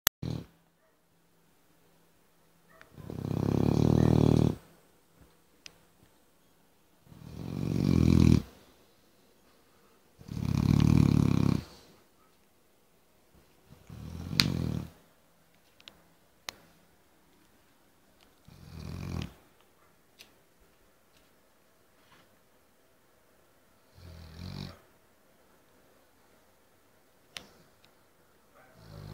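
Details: Snoring from a sleeping Cane Corso dog, said to sound like a tractor: loud, low, rumbling snores, each a rattling breath lasting over a second.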